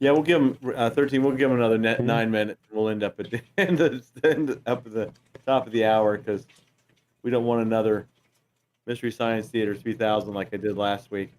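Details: Adult male speaker; normal speech.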